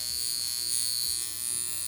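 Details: Steady high-pitched electric buzz, like a bug zapper, from a portable high-frequency skincare device at its highest setting over the face; user says it feels like zapping but doesn't particularly hurt.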